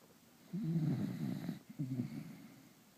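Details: Sleeping dog snoring: two low, rattling snores of about a second each in a quiet room.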